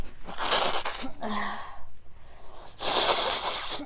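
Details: Twins sneeze and blow their noses after a nasal challenge left them with runny noses: two loud hissing bursts of sneezing or forceful nose-blowing with a brief voiced sound between; sneezing.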